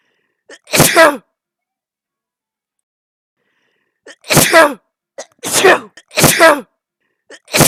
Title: i sneeze but the sneeze wizard curses me with perma sneezeing